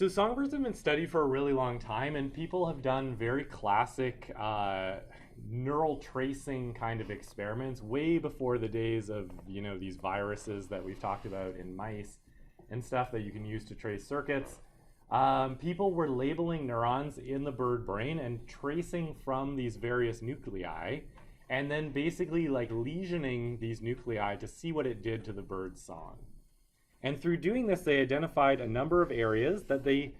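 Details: Adult male speaker; normal speech.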